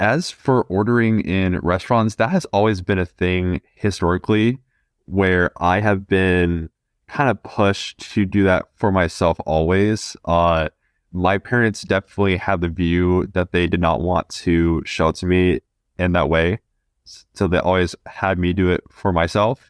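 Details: 20-year-old man who has stuttered since about age two: stuttering.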